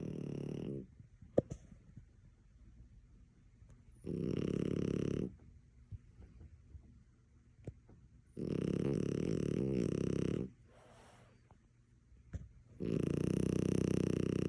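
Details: Loud, rough, rattling snores with quiet gaps between breaths from a sleeping French Bulldog puppy, Maui; noisy short-nosed dog snoring.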